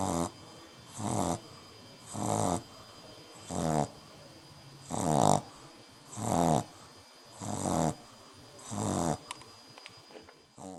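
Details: French Bulldog snoring on her first night home: regular loud, rattly snores with each breath, about 47 a minute, while asleep.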